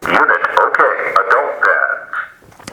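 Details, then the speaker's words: A loud recorded voice gives spoken instructions; an automated external defibrillator switched on during a training demonstration with a simulator, prompting the rescuer. "you notice on the front here there's a power button that says on off all you're going to do is push that and it's going to be really loud it's going to tell you exactly what to do after that"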